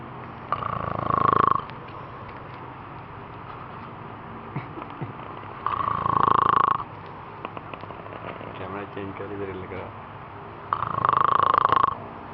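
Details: Three loud, rough snores about every five seconds (roughly 12 a minute), with quiet breathing between and faint background noise; ordinary snoring.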